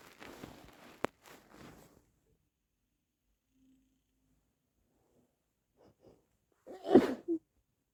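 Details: Stifled versus muffled sneezes with wet sniffling: first a muffled, held-back sneeze, then after a pause a fuller stifled sneeze with a sharp burst.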